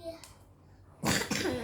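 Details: Young child with a cough reportedly caught from other children, no fever, cough said to be lessening: a single short, loud cough burst with quiet room noise before it; mild cough.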